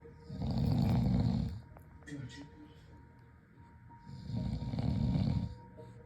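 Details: A sleeping small dog, tagged as a Yorkie puppy, gives two loud, rumbling snores about four seconds apart with quiet breathing between them: snoring.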